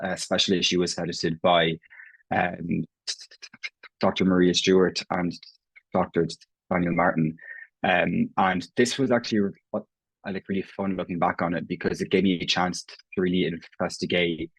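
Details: Adult Irish man who has stammered for as long as he can remember, with self-reported prolongations, repetitions and blocks: stuttering (stammering).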